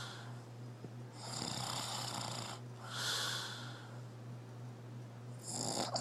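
Rough, fluttering snore sounds on breaths, with a steady low electrical hum in the room; ordinary snoring.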